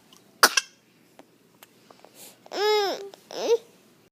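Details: A child gives one sharp, explosive cough, then after a pause two short rising-and-falling voiced sounds in a quiet small room; cough.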